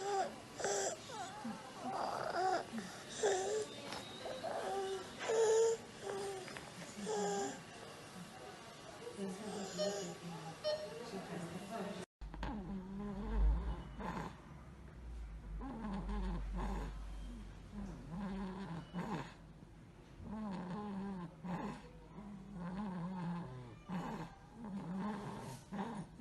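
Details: Examples of stridor and wheezing in children: a young child's noisy, musical breathing from narrowed airways, two recordings, in a teaching video.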